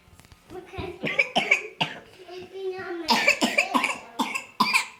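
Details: 24-month-old toddler with pertussis confirmed by a positive test: repeated coughing bursts without the classic whooping inspiratory sound.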